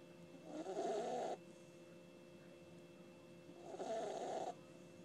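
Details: Sleeping pet puppy snoring: two regular, rattling, buzzy snores about three seconds apart in a quiet room.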